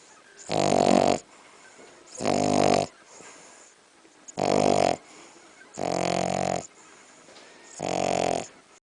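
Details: Five loud, harsh buzzing snores, about 34 a minute, from a sleeping French bulldog, with quiet breathing between them: snoring.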